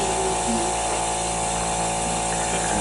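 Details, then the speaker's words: Simulated EMT skill demo on a manikin: oral suctioning with a soft catheter, measured from earlobe to mouth tip and limited to 15 seconds; steady suction hum with faint gurgling. "you can do it again and then the same procedure for oral cavity with the soft catheter you'd go from the earlobe to the tip of the mouth that's how far you know you can you know go back in or that far 15 seconds"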